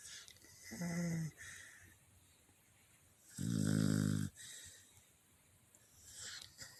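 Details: A pet, tired from running, sleeps on a bed: two loud buzzing snores on the in-breath separated by quiet breathing, faint background noise; ordinary snoring.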